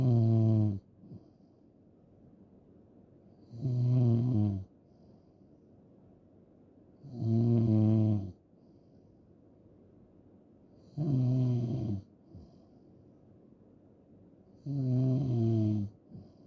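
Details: Loud, rattling snores on each breath in, five snores at about 16 a minute, with quiet breathing out between; loud snoring.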